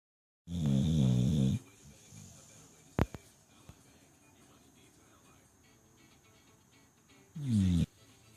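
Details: Sleeping Shar Pei/Pit mix dog: two loud, low, rattling snores several seconds apart, with a faint click between; snoring during sleep.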